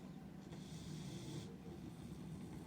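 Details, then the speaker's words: A sleeping female dog snoring: a low rumbling breath with a brief hissing exhale. "Papa. She's snoring."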